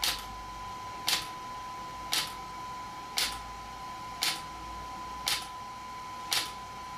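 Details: Extracorporeal shock wave therapy (ESWT) device used for muscle and bone pain relief on a patient: sharp, regular clicking pulses about once a second over a steady hum; shock wave pulses.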